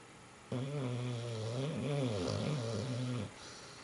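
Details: Snoring: a single long, rumbling, low-pitched snore lasting about three seconds, with a steady fluttering buzz during the breath.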